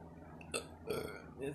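Two short, low, throaty burps in quick succession over faint room noise; belching.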